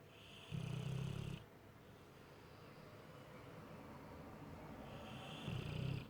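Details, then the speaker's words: Snoring mastiff asleep cuddling a cat: two loud rumbling snores on the in-breath with quiet breathing between, over steady room noise; ordinary snoring. "his snoring keeping you awake? Hey? Is he snoring keeping? Shh! You're waking the cat up. Stop snoring."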